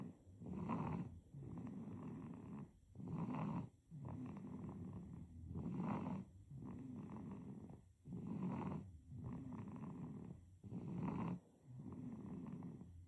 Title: Baby snoring #snoring #babysnoring #baby #snor